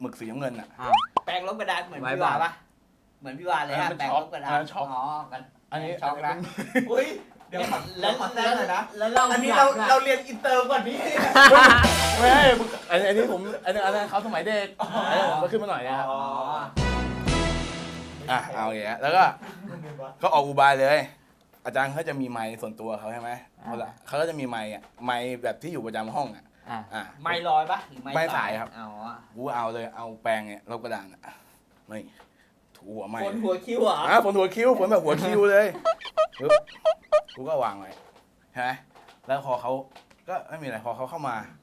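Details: Thai speaker from a group of people who stutter, heard during a challenge game; stuttering.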